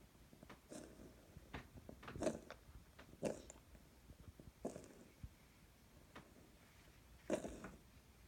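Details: Cat named Pistachio gives about five short, dry, hacking coughs with pauses between them in a quiet room.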